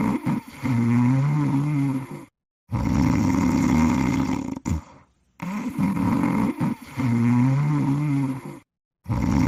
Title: Cool Cat Sleeping and Snoring on the Hammock in 50 seconds